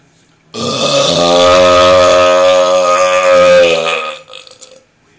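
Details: Burping: a single long, loud, deep rumbling burp lasting about three and a half seconds, a prolonged belch.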